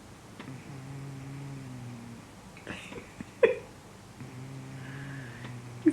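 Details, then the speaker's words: Sleeping cat snoring: two long, low, buzzing breaths a few seconds apart, with faint clicks and room noise between. "you can hear him snoring away"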